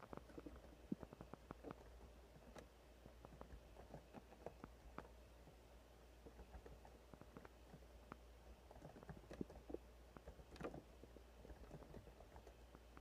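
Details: Soft gurgles and brief bubbling pops of an adult stomach over a steady low hum, with occasional mouse clicks and typing; ordinary bowel sounds (borborygmi).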